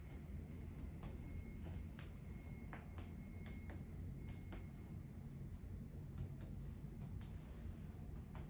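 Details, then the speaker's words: Examiner percusses a patient's chest during a physical exam demonstration, with soft, hollow taps; resonant percussion note in all fields, normal air-filled lungs. "All right. So, it's per it's um it's resonant and all fields. Um it's resonant in all fields."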